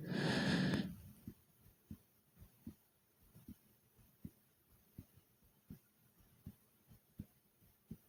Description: after doing 30 jumps in place and i started breathing hard and my heart was beating fast.